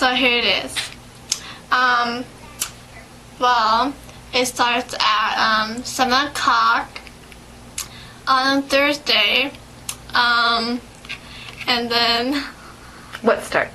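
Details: 17-year-old patient with aphasia, in a second interview session with a speech-language therapist (orthophoniste) who is treating them; aphasia.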